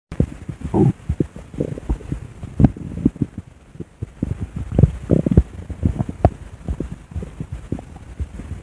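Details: Person's own recorded stomach: irregular low gurgles, pops and rumbles throughout; stomach growling, bowel sounds (borborygmi).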